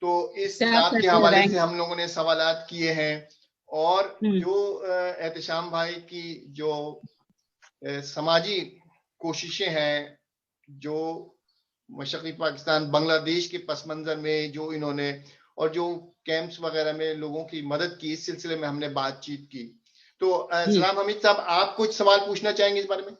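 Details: Adult man speaking Urdu; Ordinary speech.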